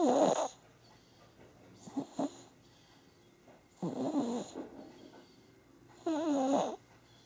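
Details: Sleeping baby snoring: soft, rattly, vibrating snores with quiet pauses between breaths.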